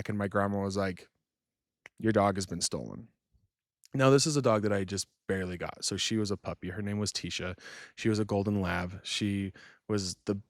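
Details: Adult man speaking; fluent adult speech.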